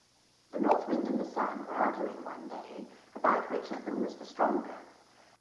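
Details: Simulated hearing impairment in background noise: muffled, unintelligible speech ("the north wind and the sun...") with the higher sounds stripped out, heard against steady background noise.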